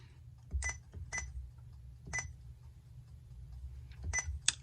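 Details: Four short irregular electronic keypress beeps over quiet room noise as a Sapphire IV infusion pump is programmed for a nitroglycerin dose in micrograms per minute, not weight-based, volume to be infused 250; infusion pump keypress beeps.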